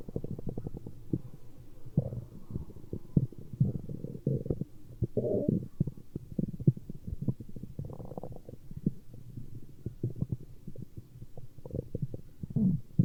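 Continuous low gurgling and rumbling with bubbly pops throughout; ordinary stomach growling from gas and fluid moving through the gut.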